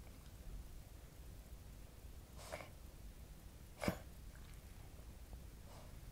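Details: About three brief, sharp, choking-like coughs on waking in a Cavalier King Charles Spaniel born June 2010, with Chiari-like malformation, hydrocephalus, syringomyelia, partial chordae tendineae rupture with regurgitation, and non-cardiogenic interstitial pulmonary edema; cough since summer 2016.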